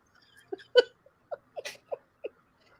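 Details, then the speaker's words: Dog that coughs when excited gives a quick run of about six short, honking, goose-like coughs; owner suspects a collapsing trachea: honking cough. "that's Jessica cough because when she gets excited she coughs and I'm and I read somewhere that that could be like a collapsing trachea that dogs can sometimes get"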